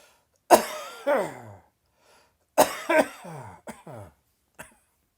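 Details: Sudden dry, tickly coughing fit just after lunch: about six dry, hacking coughs in clusters, with no rattle of mucus.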